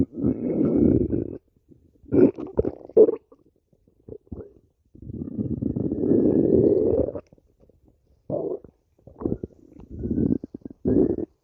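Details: Stomach growling (borborygmi): loud, long, low growls and gurgling rumbles with short bubbling pops between them.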